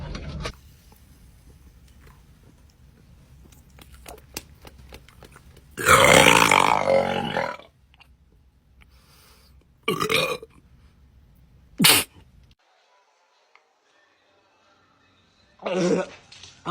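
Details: Deliberate burping after drinking Sprite in a burp challenge: several loud belches, one long and drawn out, others short, separated by quiet stretches.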